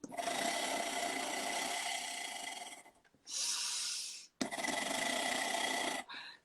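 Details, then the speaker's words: Oscillating breathing trainer with internal vibrating valve, blown through to train soft palate and tongue in sleep apnea: rasping, fluttering buzz in three long bursts with breaks between. "geliyor mu bilmiyorum ama böyle bir vibrasyon oluşturma gücü var."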